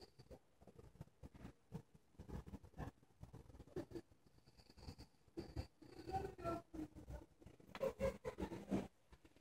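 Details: Sleeping English Bulldog (possibly an English Bulldog mix), high-energy dog, making irregular low rumbling snorts and snoring noises with short quiet gaps; snoring.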